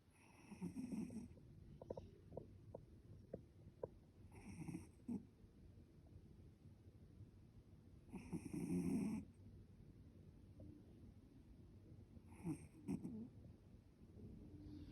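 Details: Sleeping cat snoring like a man: soft, irregular snorts and snores with louder bursts every few seconds over steady low room noise; harmless snoring.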